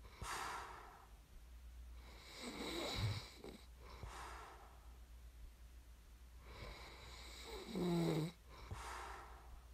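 Soft, breathy snoring with two short snorting, fluttering sounds on breathing in, against a low room hum.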